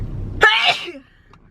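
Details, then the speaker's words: Single sharp sneeze with a quick intake and a voiced burst, in an adult sneezing a lot after hugging someone: a plain sneeze. "I'm mailing a letter to my mom first I think that will make her happy and I'm sneezing a lot because I hugged Eva"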